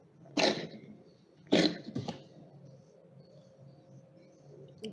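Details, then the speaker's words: A cat gives three short, wet coughs, a very moist, phlegmy cough, shown as a clinical example in a veterinary practical class; the animal appears uncomfortable. "very moist the cough is in it okay all very flammy that's why you've got that okay it's not comfortable that's why he's doing this thick grinding okay coughing up"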